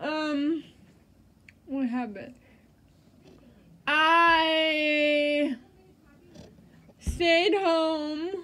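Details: Adult woman with cerebral palsy who uses a standing wheelchair; dysarthric speech in cerebral palsy.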